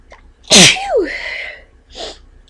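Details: One loud, explosive adult sneeze with a voiced falling cry, then a brief sniff; sneezing while sick with an illness caught from family.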